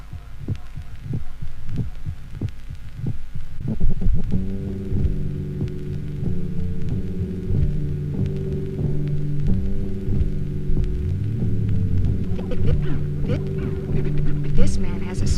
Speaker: pre-systolic murmur of mitral stenosis usually is accompanied by a sharp first sound.